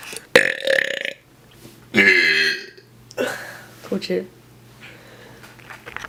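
Several loud, rough burps in turn from more than one voice, with short gaps; deliberate belching.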